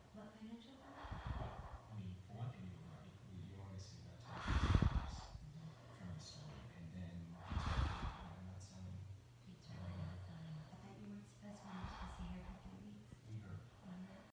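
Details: Person snoring in sleep: low, rough snorts with breathy noise recurring every few seconds over a steady low hum in a quiet room.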